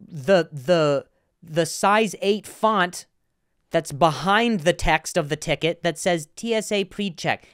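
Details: Adult male comedian with a stutter, speaking on his podcast with part-word and whole-word repetitions: stuttering.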